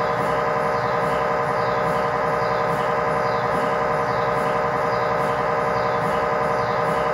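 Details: Loud, steady, rhythmic knocking and buzzing, about 92 pulses a minute, gradient noise of an MRI scanner during a test tibia/fibula (lower leg) scan with a GE high-definition lower-extremity coil (stated as 8- or 16-channel), in a controlled environment.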